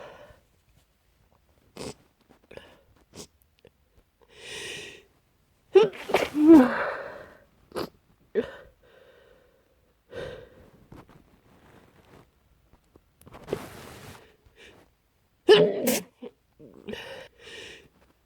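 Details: Several deliberately stifled, muffled sneezes with quick inward catches of breath, held back rather than fully released while trying to stay quiet; an older recording.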